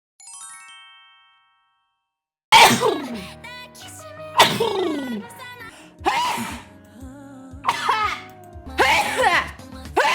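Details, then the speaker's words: After a short jingle, about five loud, voiced sneezes in quick succession from a Korean VTuber over faint background music. "어유 깜짝이야. 어이구. 아주 우렁차구만."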